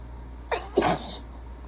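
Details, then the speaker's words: One sharp, explosive sneeze after a short indrawn breath with brief voiced release, from an adult who is sick and has been sneezing repeatedly all day, covering the sneezes tightly; a single sneeze. "whoa I'm gonna sneeze again"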